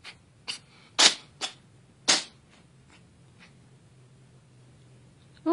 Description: A cat sneezes repeatedly on a bed indoors.